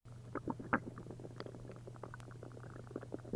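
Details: After drinking a liter of milk and a liter of prune juice, an upset stomach gives near-continuous bubbling and gurgling over a steady low hum as liquid moves through the gut: hyperactive bowel sounds (borborygmi).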